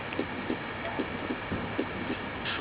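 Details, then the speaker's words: Simulated severe aortic stenosis heard at the pulmonic area on an auscultation simulator: heartbeat about 75 a minute, systolic murmur softer than at the aortic area. "the stethoscope is moved to the pulmonic area the systolic murmur is still heard but not as loud"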